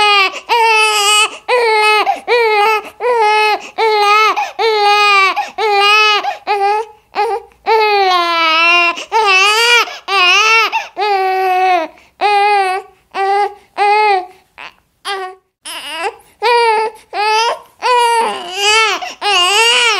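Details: An infant cries in repeated loud, high-pitched wails, about 77 bursts a minute, separated by quick breaths; one of a compiled set of baby crying sound effects: infant cry.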